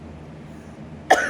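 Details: Low room hum, then one sudden harsh cough burst at the end, from an adult with a bad chronic lung infection who uses nebulizer treatments and an inhaler and reports chest congestion.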